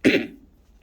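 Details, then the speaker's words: One short, sharp cough from an adult with lung problems and a tumour, who coughs a lot and struggles to breathe; a sudden burst that fades quickly into a quiet room. "um I cough a lot I struggle to breathe"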